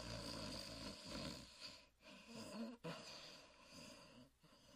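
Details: Huckleberry Hound dog sleeping: snuffly snorting breaths broken by brief pauses; ordinary sleep snorting.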